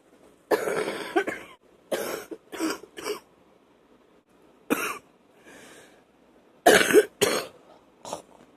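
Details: Wet productive cough: about eight loose, rattling, phlegmy coughs in irregular bursts with quieter throaty breaths between.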